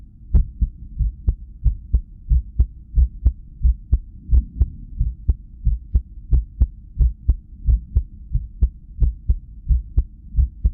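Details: Resting cardiac ultrasound recorded while arrhythmia occurred from lack of sleep: whooshing Doppler heart pulses with uneven spacing between beats; irregular heartbeat.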